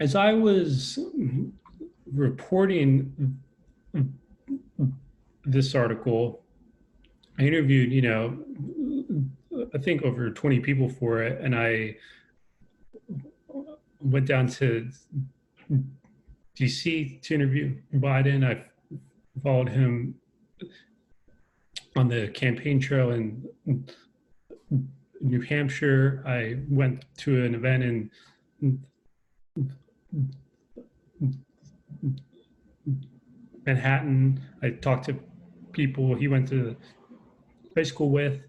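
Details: Adult man with a lifelong stutter, a person who stutters, who says he is less fluent when talking over Zoom, speaking in a real conversation: stuttering.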